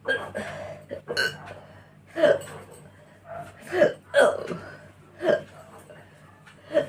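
About six sudden, throaty catches over seven seconds, some burp-like, against a faint hum; repeated hiccups.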